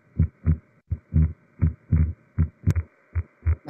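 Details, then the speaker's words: Regular heartbeat near 80 a minute with a widely split second sound that stays fixed with breathing: fixed wide splitting of S2, as in atrial septal defect. "اللي هو سبليتنج واضح وواسع وكل حاجه، ولكن مش بيتغير بالانسبيريشن. زي ايه؟ زي الناس اللي عندهم اتريال سيبتال ديفكت."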